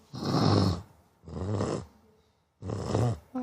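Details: Three loud rattling snore-like sounds imitated by girls while awake, not true sleep snoring; simulated snoring.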